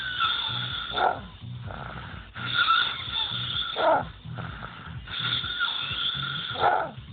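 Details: Snoring in a sleeping dog: steady cycles of rumbling snoring with a whistling, squeaky edge, roughly 20 breaths a minute.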